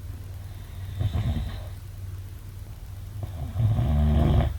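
Two loud, rough, low rattling snores during breathing in sleep, with quiet pauses between them.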